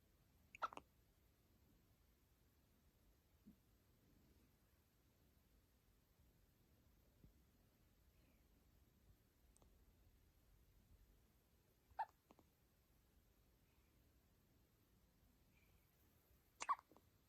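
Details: Newborn baby girl with hiccups: a few brief, abrupt little hics spaced several seconds apart in a quiet room.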